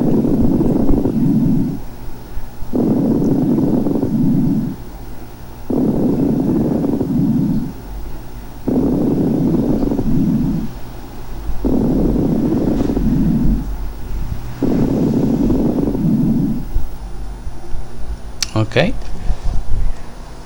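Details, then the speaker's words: Coarse (subcrepitant) crackles in a teaching recording: low bubbling, breathing about 20/min, a trail of bubbles at end-expiration from air through secretion-filled small bronchioles, as in bronchiolitis or infection. "pero les decía que pongan la atención durante la espiración al final de la expiración se escucha como una estela como una colita de burbujas"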